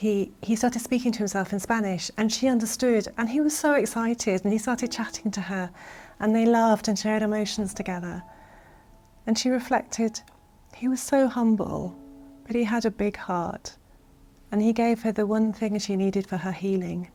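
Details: Adult woman speaking; Normal speech.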